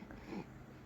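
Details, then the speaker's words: A newborn with bronchopneumonia giving a brief, low, rough rattling breath, like snoring; the parent says this noisy breathing occurs even while the baby is awake, not only asleep. "Seperti biasa dia itu sangat sulit bernafas dan terdengar suara kayak lagi ngorok."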